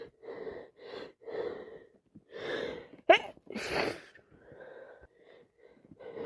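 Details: Person with yet another cold: breathy 'ah-ah' build-ups and sniffs leading to a forceful wet sneeze, amid non-stop wet sneezing, sniffing and some coughing; sneeze.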